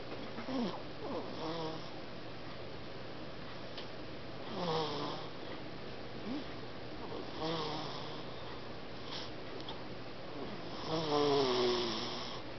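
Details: A sleeping baby snores softly, breathing with noisy, snuffly snores about every three seconds over a steady room hum.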